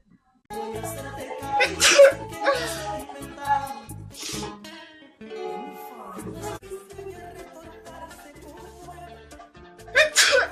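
A few sharp sneezes from a woman over loud background music, in someone with allergic rhinitis.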